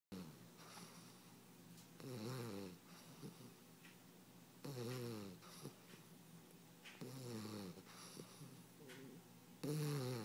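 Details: 16-week-old pet asleep on its owner's lap: soft, regular buzzing breaths about every two and a half seconds; gentle snoring during sleep.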